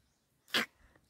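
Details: Cat with a cat cold: a single sharp, hissing sneeze, consistent with feline upper respiratory infection.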